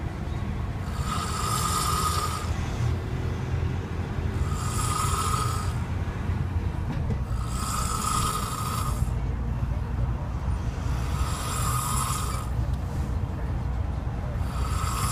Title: The number one man to snore in the whole world😴😴🤫🤫